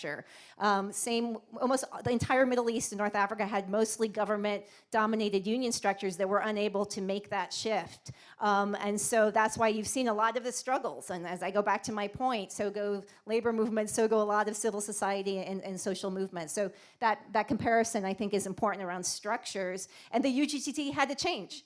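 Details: Adult woman speaking; Normal voice.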